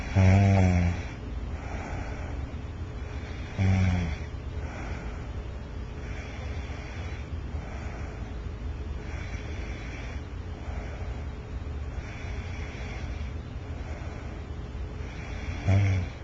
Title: Snoring!